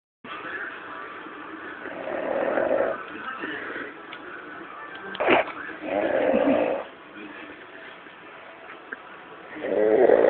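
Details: Person (brother) snoring while asleep: slow, rough, rattling snores with each breath, about 16 a minute, over faint background noise.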